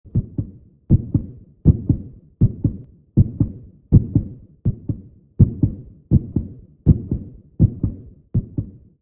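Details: Steady paired heartbeat thumps at about 80 beats a minute, offered as a baby heartbeat sound effect; fetal heartbeat.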